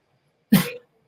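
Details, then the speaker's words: A single abrupt cough-like throat sound: a vocal tic in a person with Tourette syndrome, who has both motor and vocal tics. He says this cough-like tic is with him every day. "So one thing I know, my cough is always with me, not my cough, but my tic. That one is always with me every day."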